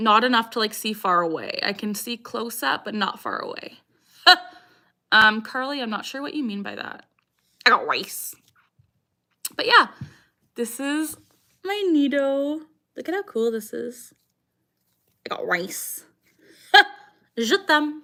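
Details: Female with Tourette syndrome, tics since early childhood, diagnosed at 12, taking three medications; vocal tic phrase "I got rice" appearing mid-sentence: Tourette syndrome vocal tic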